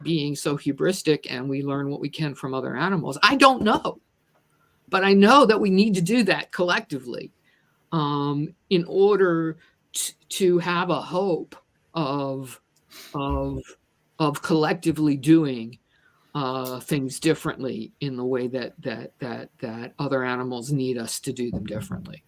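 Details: Adult woman who stutters and describes herself as a person with a disability; this stretch shows repeated words; stuttering.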